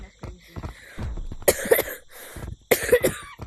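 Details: Person who says they are very sick with a bad cough: two bursts of harsh, chesty coughing with throat clearing in between, over faint room sound.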